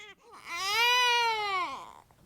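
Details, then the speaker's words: Two-week-old boy, hungry after a long lactation consultant visit: a single loud, rising and falling wail lasting about a second and a half; infant hunger cry. "it's been a long visit to the wick lactation consultant and now two we old is letting his mom know just how hungry he really"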